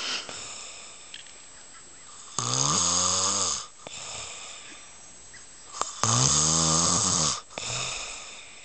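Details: Man napping motionless on a couch, heavy snoring: loud, rattling, drawn-out snores on the in-breath, two in nine seconds with quiet breathing between.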